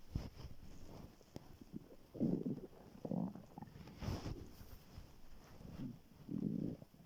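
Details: Morning hunger borborygmi recorded on waking, very hungry: soft, low gurgling stomach rumbles coming and going over faint background hiss, 12 minutes 43 seconds of growling.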